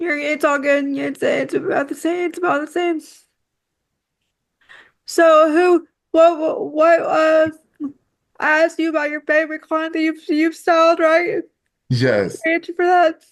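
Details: Dysarthria in a woman with quadriplegic cerebral palsy affecting her whole body, with frequent word and phrase repetitions.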